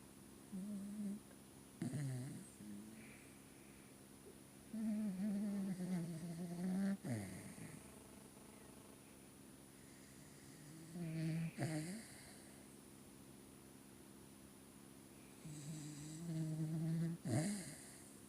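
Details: Dog snoring: slow snoring breaths with a humming, whistling tone and small snorts, repeating every few seconds in a quiet room.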